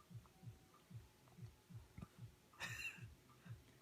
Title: Brittany Spaniel has hiccups